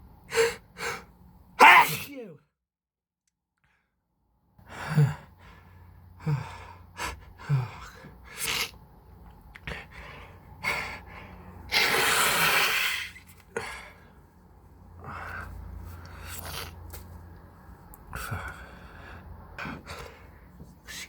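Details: Repeated allergic sneezing with intense gasping build-ups between sneezes, quiet breathing and sniffing in a small room.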